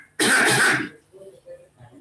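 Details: 8-month-old infant with repeated cough, wheeze and fast breathing, family history of asthma, playful, normal pulse oximetry, poor response to budesonide and SABA: one harsh, rough cough burst, coughing in bouts; cough in bronchomalacia.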